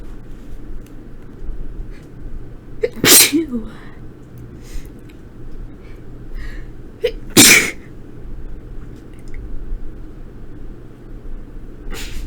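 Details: Induced sneezing by a person whose nose was tickly, at the end of a few days' illness with a sore throat and a hoarse, scratchy voice: two forceful sneezes, each preceded by a quick inhaled catch, with a third starting.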